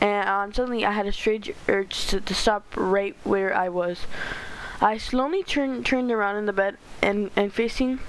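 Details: Stuttering in a male narrator reading a story aloud, who says he stutters a lot and reads poorly.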